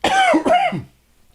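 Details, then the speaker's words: Adult recovering from bronchitis, feeling better; two quick throaty voiced cough bursts, residual bronchitis cough. "Still got a little bit of bronchitis cough, but I'm sounding better. I'm definitely feeling better. In case I may periodically mute the mic if I have a coughing fit."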